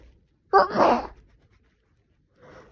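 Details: Person with a cold, blamed on temperature swings, sneezing: a single sharp sneeze with a brief intake then an explosive burst, followed by a faint breathy sound.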